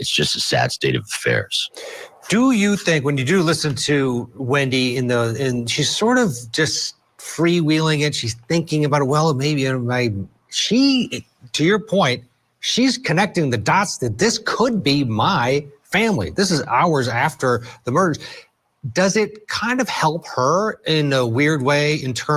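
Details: Adult male speaker; normal voice.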